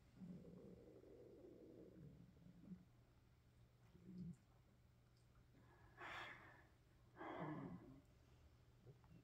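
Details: Adult hunger-related stomach growling (borborygmi) late at night: low gurgling rumbles and a few louder squelching bursts.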